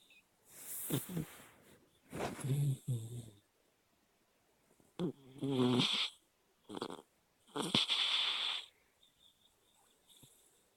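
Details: Dog sleeping and dreaming with eyes open: repeated snoring breaths, some with fluttering, whistling tones, separated by quiet pauses; snoring.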